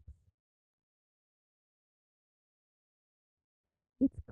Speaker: the first sentence is an example of how speech may sound for a child with severe to profound sensory neural hearing loss